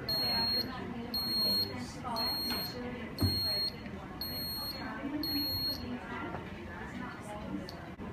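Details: Syringe pump set up with a Buretrol in an IV-line demonstration, selecting mode and mL-per-hour rate before starting infusion; six regular high-pitched beeps, about one a second, over quiet room noise: keypad and alarm tones.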